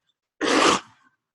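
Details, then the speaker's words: Adult with a mild cold and mild respiratory issues: a single sharp, explosive burst of air; a cough. "as you can probably hear in my cough I have a little bit of some um you know little bit of respiratory issues going on right now"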